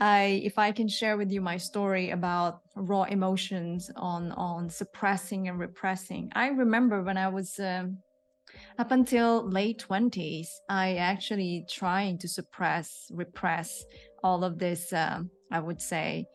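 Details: Adult woman speaking; typical speech.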